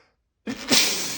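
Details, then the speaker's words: Male, after saying his nose tickles: a silent pause, a brief intake, then a single forceful, wet, hissing sneeze. "Got to sneeze. God. Oh, it tickles. Oh, it tickles so much."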